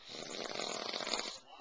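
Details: Father snoring: a single harsh, buzzing, rattling snore-like sound lasting just over a second; snoring.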